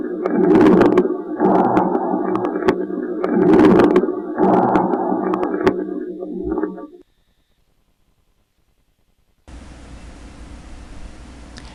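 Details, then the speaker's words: Coarse moist (subcrepitant) crackles: bubbling, gurgling crackles over noisy breath sounds, heard in both phases mainly in expiration, changeable and altered by cough and expectoration; wetter and more regular than fine crackles. "sus sensaciones palpatorias son excepcionales Estos estertores son más húmedos y regulares y cambiantes que los crepitantes"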